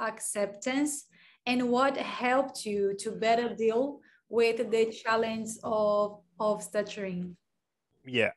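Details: Adult speaker; typical speech.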